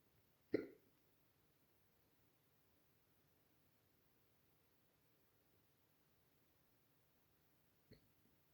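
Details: Two sharp, abrupt hiccups about seven seconds apart in a quiet room, from a person hiccupping while gaming; ordinary hiccups.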